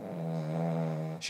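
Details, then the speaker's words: Pet dog asleep and snoring loudly: a single drawn-out, buzzing, steady-pitched snore ending in a brief noisy rustle. "completely knocked out. I don't know if you can hear her. She is aggressively aggressively snoring right now."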